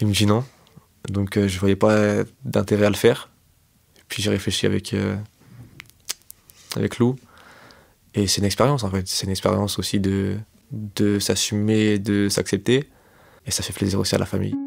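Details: 25-year-old man who has stuttered since age 4, self-described as fairly severe, worse with stress, fatigue and in front of others; stuttering.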